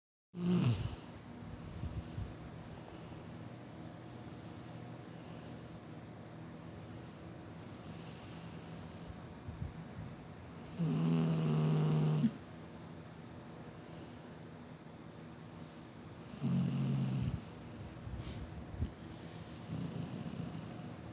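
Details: Mother snoring: low, rough snores on two in-breaths against quiet room noise; ordinary snoring.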